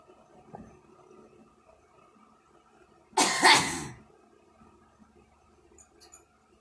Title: girl smoking and coughing